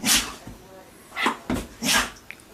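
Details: Female dog sneezing on command for treats: three short, sharp nasal bursts given on cue between spoken commands; voluntary sneezing.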